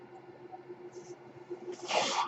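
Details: Speaker's own mechanical ventilator heard during a podcast recording: a steady low mechanical hum, then a rising rush of air near the end as it delivers a breath.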